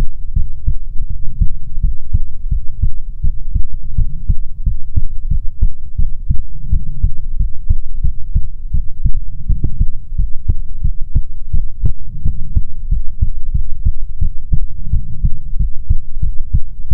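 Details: ASMR recording of soothing heartbeats: steady, regular low thumps at roughly 85 beats a minute with a faint hum underneath; normal heartbeat.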